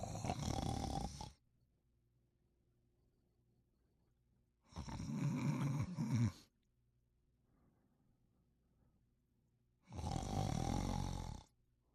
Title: Thunderbolt Sleeping & Snoring